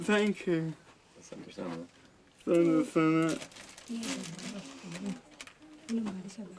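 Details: 32-year-old man with cerebral palsy present since birth, dependent on 24-hour care; slurred speech that worsens when he is tired; dysarthria.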